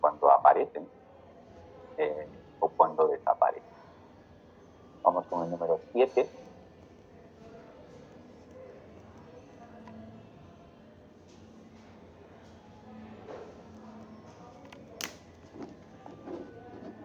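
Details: Irregular Korotkoff sounds (arrhythmia).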